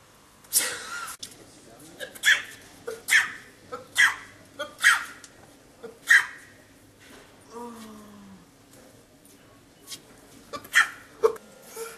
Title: Funny Sneezing